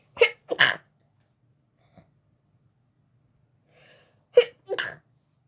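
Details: Sneezing fit in bed after turning onto the other side while trying to sleep: two pairs of sharp sneezes, each a quick in-breath then a burst, separated by a quiet pause.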